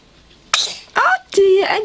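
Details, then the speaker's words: Baby girl in her swing during a sneeze attack: a sharp, brief infant sneeze followed by soft baby vocal sounds. "Goodness, that was a lot of sneezes. Sneeze attack. Bless you. She's having a sneeze attack."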